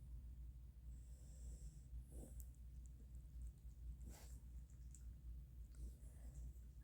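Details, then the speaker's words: Relaxed dog lying on a lap, snoring or breathing heavily: faint, noisy snorting breaths, about three in seven seconds, over a steady low room hum; snoring. "I have one dog on my lap as I'm doing this and he's um kind of sort of snoring so you might hear that in the background it's just my dog and he's just breathing heavy he's relaxed"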